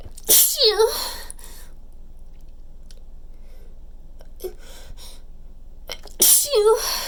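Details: Two loud, wet sneezes about six seconds apart after a tickling build-up, each a sharp burst trailing into a voiced cry, with quiet breathing between.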